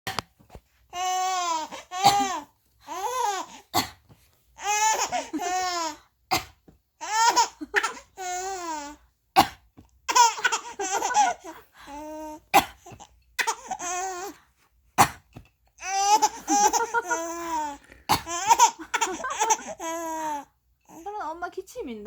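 Short, sharp deliberate adult coughs, each followed by bursts of high-pitched infant laughter and babbling.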